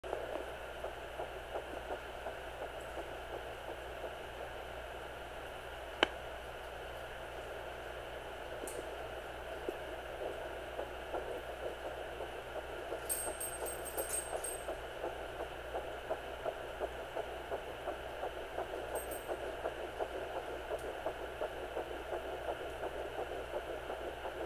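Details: Fetal heartbeat at 9 weeks of pregnancy on a Sonoline B Doppler: faint, rapid pulsing about 165 to 170 beats a minute through steady Doppler static.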